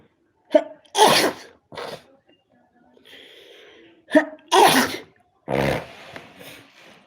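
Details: Allergy sneezing fit: three sharp sneezes, each after a quick catching breath, with faint voices between.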